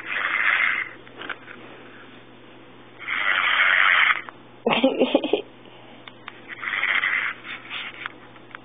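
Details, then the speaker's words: Girlfriend snoring over the phone, asleep mid-call around 1 a.m.: loud, rough breathing in slow cycles about every three seconds with a rattling snore burst over a tinny phone line. "You hear that? That's my girlfriend on the phone snoring."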